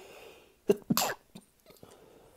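A short burst of two or three quick explosive sneezes in a quiet room.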